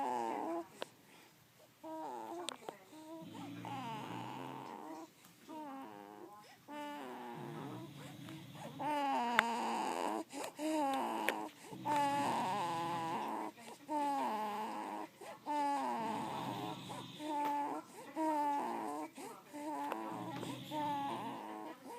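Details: Newborn baby crying, with a father snoring loudly nearby: repeated wavering, high-pitched crying bursts with quieter breathy pauses between them; typical infant cry.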